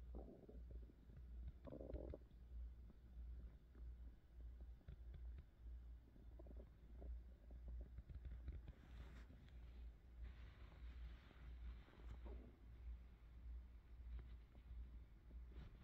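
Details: Low gurgling and rumbling stomach noises over a steady low hum, recorded from an adult woman's belly for ASMR; ordinary hunger-related stomach growling (borborygmi).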